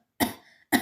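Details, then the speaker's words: A simple imitated cough acted for a comedy skit about repeated coughing in class: two sharp, dry cough bursts in quick succession, the second cut off. "यह क्या हो रहा है बार-बार खांसी क्यों आ रही है"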